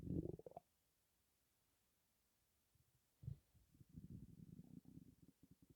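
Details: Stomach rumbling (borborygmi) with breathing in and out, stomach holding only gas and air, possibly from hunger: low gurgling rumbles in bursts with a quiet gap between.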